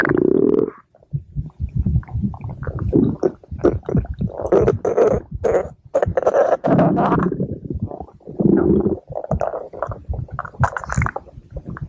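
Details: Stomach growling attributed to the character Pink Diamond: loud, continuous gurgling and rumbling with bubbly squelches and brief pauses. Active bowel sounds (borborygmi).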